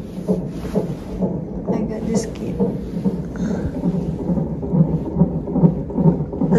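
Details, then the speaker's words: Fetal heartbeat on a monitor during labor at 36 weeks 4 days, premature: rapid rhythmic whooshing thumps, roughly 135–140 a minute, amid room noise, described as very healthy. "the one that you're hearing right now guys is ah it's heartbeat cuz said they put me this one they put me this thing right here it's like a monitoring like this monitor his heart rate guys"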